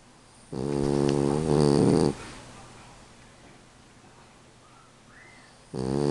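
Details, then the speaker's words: Snoring: loud, buzzing, vibrating snore on a breath lasting about one and a half seconds, a quiet gap, then the next snore starts. "alors tu toures tu ronfles et alors"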